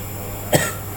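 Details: A cat taken to the vet for coughing: a single short, abrupt cough over a steady background hum.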